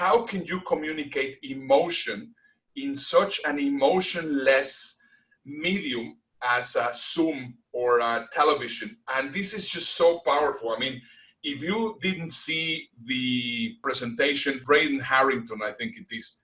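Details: Adult male speaker; normal speech.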